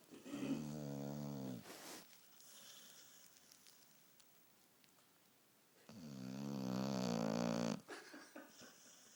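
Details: Sleeping dog, possibly dreaming, owner jokingly wonders about a sinus problem: two long, buzzing snores on the in-breath with a quiet pause between; snoring.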